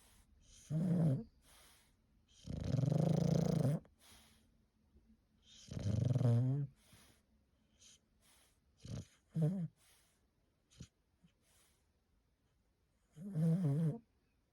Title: Snoring time Fergus #shorts #bulldog #foryou